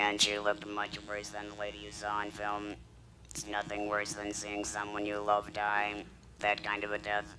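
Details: Woman treated with radiation and chemotherapy, speaking with a battery-powered electrolarynx held against her throat to produce a beeper-like source sound: electrolarynx speech.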